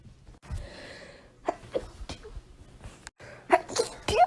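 A quick run of short, sharp sneezes, several in a few seconds, in a small room; sneezing.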